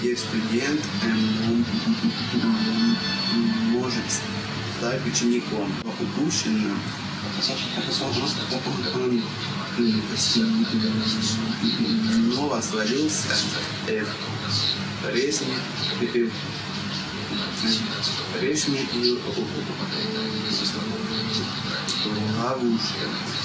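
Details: Adult man reading aloud in Russian; stuttering.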